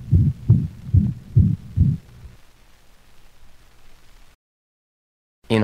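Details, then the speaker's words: Dog with mitral insufficiency: holosystolic murmur so loud and prolonged it obliterates the second heart sound, giving five loud, single prolonged sounds. "the holosystolic murmur is so loud and prolonged that the second heart sound is obliterated giving the impression of only one prolonged sound"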